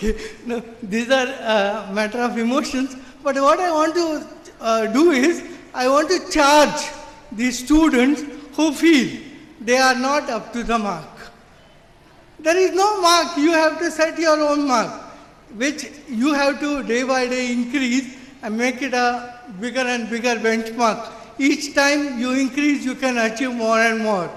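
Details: Adult man with severe cerebral palsy since birth, considered 100% disabled, who could not walk or talk as a child; dysarthria from cerebral palsy.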